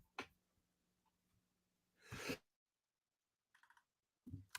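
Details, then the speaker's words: A single loud, sharp, noisy sneeze mid-clip against quiet room hum with a few clicks and brief sounds. "didn't want to hear that sneeze"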